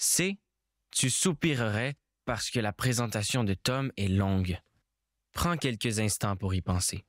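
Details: Adult male narrator; no disorder.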